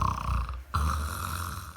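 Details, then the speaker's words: Sleeping man who claims he doesn't snore, snoring loudly "like a tractor": deep, low-pitched rattling snore with a brief pause, then resuming. "Oi amiga meu Deus coloca muito filho tu tu ronca muito filho eu não ronca e essa sono meu Deus fi"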